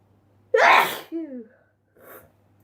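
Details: Sneezing compilation: one loud, explosive sneeze followed by a short voiced exclamation and a softer breath; a single sneeze.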